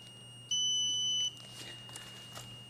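A single sustained high-pitched electronic beep lasting under a second over quiet room noise, from a medical alarm going off.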